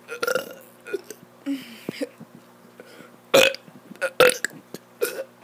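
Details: A child burping on purpose: a string of about six loud, throaty belches with short pauses between them.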